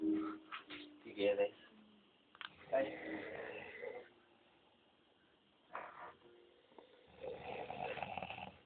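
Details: Snoring contest among several sleeping people, loud snores; one sleeps with mouth open.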